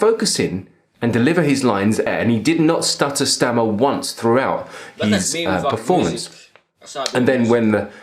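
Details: Adult male speaker; fluent speech.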